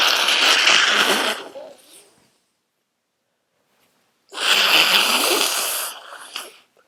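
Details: Two long, harsh, hissing sneeze blasts with a wet, congested quality, separated by a pause, from a tired, congested person who says they are sick again: sneezes.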